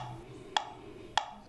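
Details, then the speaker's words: NexStride mobility aid attached to a walker or walking sticks, which uses a green laser and a metronome tick to cue each step in Parkinson's gait: two sharp, evenly spaced ticks at about 100 per minute. "it's called a neck stride it uses a green laser and makes a ticking sound"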